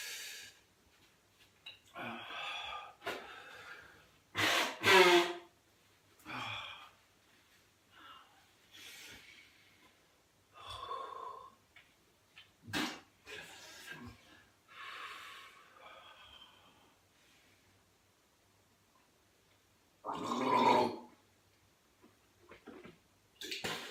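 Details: Adult with whooping cough (pertussis) who has had episodes of being unable to breathe, possibly vocal cord closure or laryngospasm: coughing fit with harsh cough bursts, strained gasping breaths and pauses.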